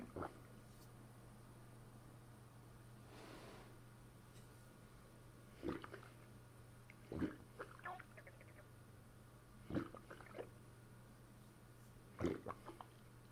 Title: Fist pushing down my stomach. Gurgling noise